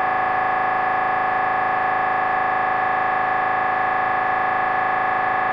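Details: Loud, steady buzzing drone pulsing very fast and evenly, about 200 a minute; MRI scanner gradient noise recorded during a brain scan.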